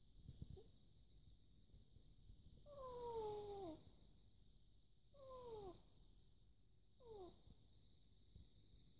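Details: Three soft, falling, whiny mews from a sleeping cat just before waking, with a steady high hum in the background; sleep vocalization while dreaming.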